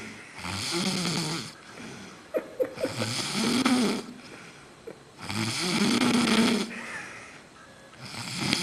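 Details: Man sleeping off a night of drinking, snoring loudly: rough, rattling snores on each in-breath, about 23 a minute, with quieter out-breaths; someone remarks on the loud snoring.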